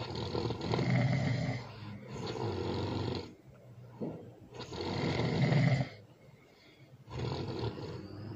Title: #ASMR #SNORING #LOUD ASMR loud snoring with baby